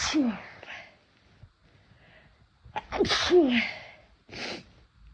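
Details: Person using chhinkni snuff for the first time: loud, forceful sneezes, each preceded by a sharp inward gasp, then a shorter final sneeze; snuff-induced sneezing.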